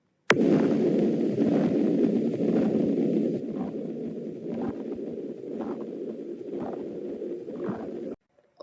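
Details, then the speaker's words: Auscultation example of patent ductus arteriosus, an abnormal cardiac communication: a continuous rumbling murmur running through the heartbeats without a break. "uno de los más comunes es conducto arterioso persistente que se puede mediante la auscultación escuchar de la siguiente"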